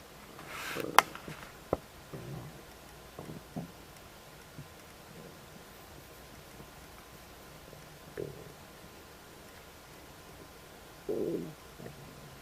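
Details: Irregular gurgling and rumbling stomach noises just after eating a snack of ribs; ordinary digestive borborygmi.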